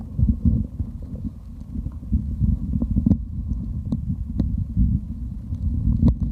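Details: Stomach growling while drinking: low rumbling and gurgling with scattered short pops and bubbling clicks, recorded for ASMR; bowel sounds.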